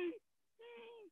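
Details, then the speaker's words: Imitation of an asthmatic patient's wheeze, a steady whistling musical tone on a breath, explained as air passing through bronchi narrowed by swelling. "Asthmatic patient from a distance, you can identify that he has got asthma. Why? Because when he's breathing, the wheezing sound comes."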